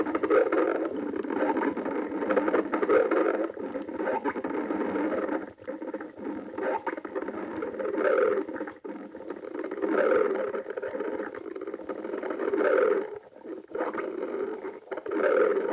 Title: Sunday stomach growling